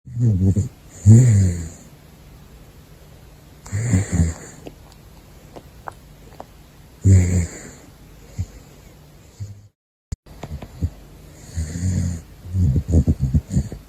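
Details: Sleeping pet caracal: deep, rumbling breath sounds recurring every few seconds with quiet gaps between; snoring.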